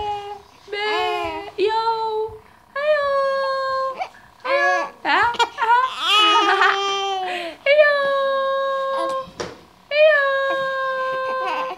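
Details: Baby crying in loud, drawn-out wails broken by short gasping pauses, in a small quiet room.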